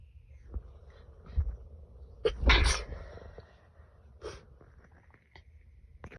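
A few short, muffled bursts of air in a quiet room, the loudest in the middle. Stifled sneezes.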